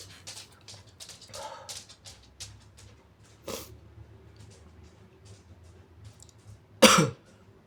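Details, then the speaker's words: Soft wet sniffles, then a sudden muffled burst near the end; a stifled sneeze. "Sorry. Oh, it tickles. Just sneeze. Oh, bless me."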